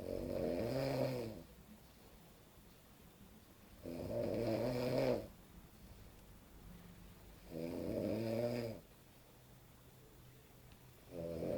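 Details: Heavy snoring while napping after a messy night out: loud rattling snores on each in-breath, about 17 a minute, with quiet pauses between.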